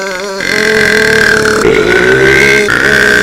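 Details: Adult male YouTuber deliberately burping for a minute: one long, loud, continuous belch with a rough, droning voiced quality, in a heavily amplified recording; prolonged burping.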